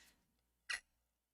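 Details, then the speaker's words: Hiccup from a livestreamer talking to chat, who says they have the hiccups while speaking. "i have the hiccups i don't care i don't care"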